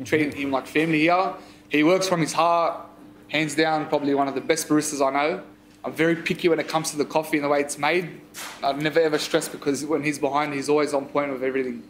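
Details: Adult man speaking; Normal speech.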